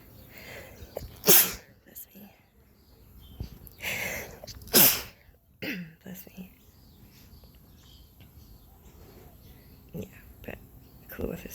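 Two sharp, explosive sneezes a few seconds apart, with soft sniffing and quiet breathing between them; ordinary sneezing.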